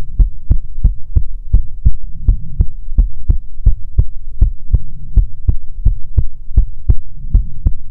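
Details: ASMR heartbeat recording: steady, even run of strong, closely spaced heartbeat thumps over a low hum, regular rhythm; normal heartbeat.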